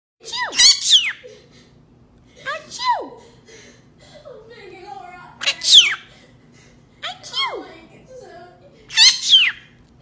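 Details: Pet bird mimicking human sneezes: five high-pitched sneeze-like bursts, each a rising 'ah' then a sharp 'choo'; imitated sneezing.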